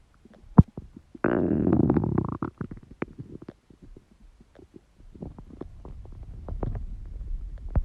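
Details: Empty-stomach growling: a low, drawn-out gurgling growl followed by scattered bubbling clicks and rumbles; normal borborygmi.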